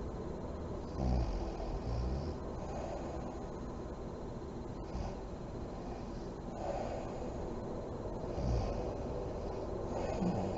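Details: Adult woman (a mother) asleep with lights on, described as deep REM sleep: deep, low, rumbling snores and snorting breaths at intervals over steady background hiss; snoring.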